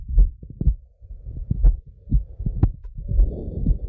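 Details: Normal horse heart sounds heard through a cardiac stethoscope pushed forward over the mitral, aortic and pulmonary valve areas: slow, low lub-dub beats with no murmur.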